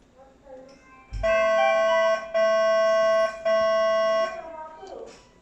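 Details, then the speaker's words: Three steady, loud electronic alarm tones, each about one second long, during the audio alarm test of a CRRT machine in the preparation phase before CVVHDF. "This is the testing for uh audio alarms."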